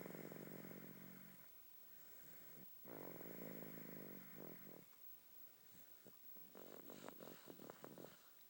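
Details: Snoring during sleep: loud, rattling snores on each breath, two long ones, then a choppier, snorting stretch.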